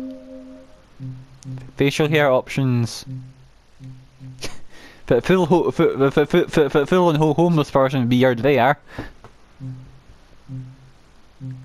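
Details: Adult male with a self-reported uncontrollable stammer, which he says particularly affects m and w sounds, with audible word repetitions; stuttering.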